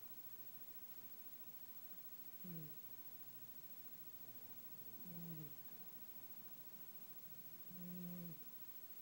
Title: snores